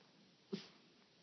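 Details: Puppy (described as a multi-Pooh) that sneezes on command for praise and her dinner, sneezing when asked to sneeze louder.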